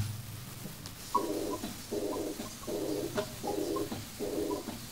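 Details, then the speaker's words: Regular heart cycles at about 78 per minute, each with a soft, blowing, slightly musical diastolic murmur from a teaching recording: aortic regurgitation, a diastolic murmur that is always pathological. "C'est un souffle diastolique. Tous les souffles diastoliques, c'est pathologique, sans aucune exception. Et donc, le diagnostic, c'est insuffisance aortique."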